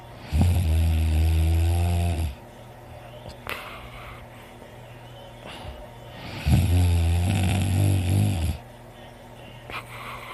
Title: me snoring loud with heavy breathing